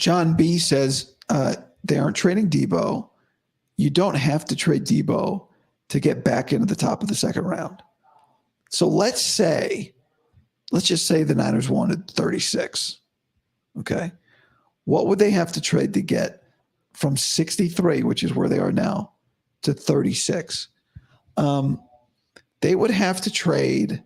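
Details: Adult male host about five to five and a half weeks after vocal cord surgery, voice improving daily but likely unchanged from yesterday after heavy voice use and no sleep; dysphonia after vocal cord surgery.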